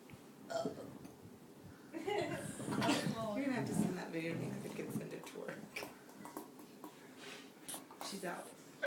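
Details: Two people burping: several loud, low, rumbling burps in a row, with some voice mixed in and faint room noise; burping.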